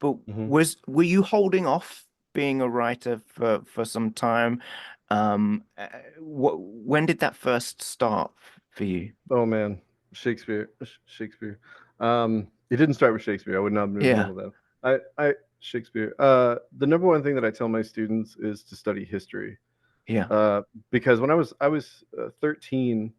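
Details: 34-year-old man with Tourette syndrome and ADHD, with an involuntary repeated word produced mid-sentence during conversation: vocal tics (Tourette syndrome).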